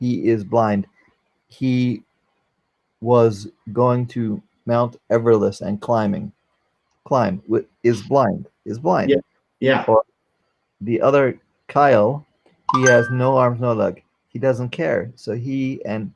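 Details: Aphasia in a 44-year-old man after a stroke during heart valve surgery, with loss of use of one arm.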